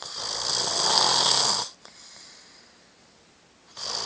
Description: sawing down a freaking forest!!